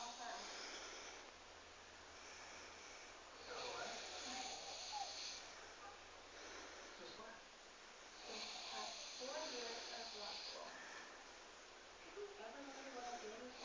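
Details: Big man from Romania snoring like a pig: hissing, rasping breaths in slow cycles of roughly four seconds, amid background noise; snoring.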